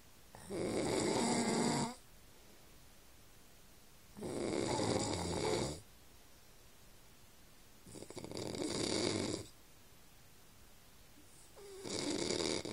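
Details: Father snoring during sleep: loud, rough snores on each inhalation, about 15 per minute, separated by quiet exhalations.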